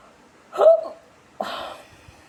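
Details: Woman after smoking a cigarette: two abrupt, brief voiced hiccups about a second apart, each a sudden gulping catch in the throat.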